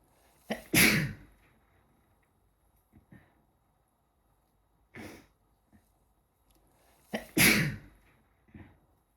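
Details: Sneezing fit with a cold: two loud explosive sneezes, each preceded by a short breath in, separated by quieter sniffs.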